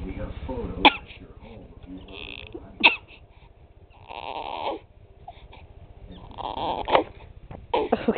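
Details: Person with bad hiccups: sharp, brief hiccup sounds recurring about four times in eight seconds among voices and breathy noises; hiccups.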